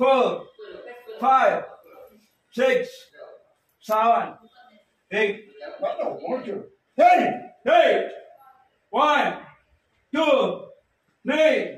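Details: Puberphonia (persistent high-pitched voice after puberty) in a young male patient counting numbers aloud during a voice-treatment session.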